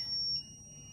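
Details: ZOLL defibrillator charging to 30 joules for a synchronized shock in a 30 kg patient during a training demonstration; a high-pitched electronic charging tone steps down to a lower steady tone.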